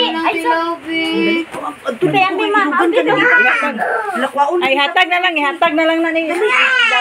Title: Baby is crying because of me.🤭